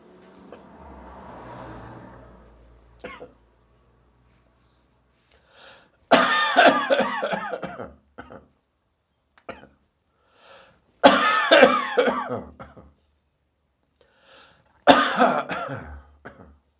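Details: Adult's dry morning cough after drinking too much beer the night before: three harsh, dry coughing bouts, each a forceful burst trailing off, with quiet pauses between.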